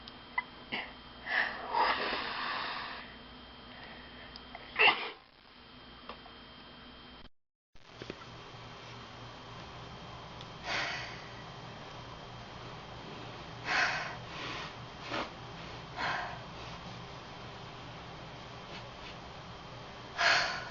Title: Classic Sneeze